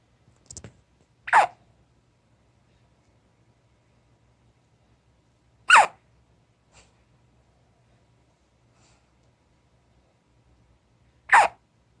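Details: Three sharp, abrupt inspiratory hiccup sounds about five seconds apart, with fainter catches between, in a quiet room; hiccups.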